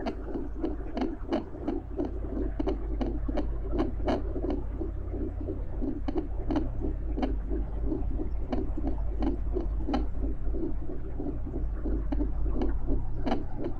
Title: Female Heartbeat with Fetal Doppler & Deep Underwater Ambience